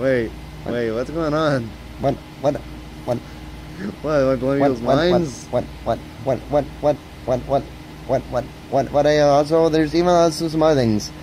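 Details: Male who reports that he stutters a lot, with heavy word repetitions; stuttering.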